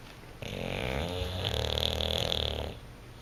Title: Bluto the Bulldog snoring and dreaming on the couch